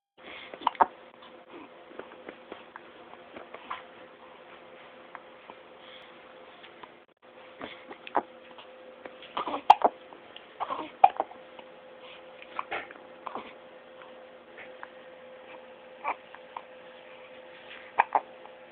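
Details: Baby hiccups: repeated short, sharp catches at an irregular rhythm, roughly 45 a minute, over a steady background hum.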